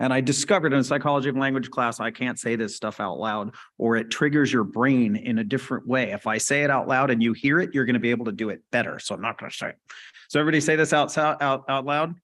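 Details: Adult speaker, presenter; normal speech.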